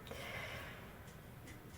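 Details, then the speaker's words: Soft, low snorting breaths from a cat resting beside a tarot card reading, a faint snore in a quiet room, under a speaking voice. "On en revient, si vous entendez ronfler, c'est mon chat qui a décidé de venir ronfler à côté du tirage."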